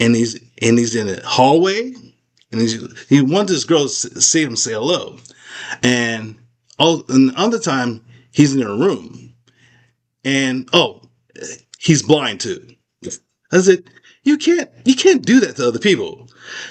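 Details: Aphasia after a stroke in an adult man, who reports a craniectomy and several rehab facilities; word-finding errors and repetitions persist.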